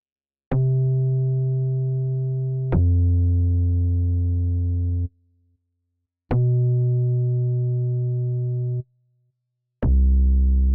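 Steady low pure tones of a few seconds each, separated by silences, imitating a hearing test in a role-play.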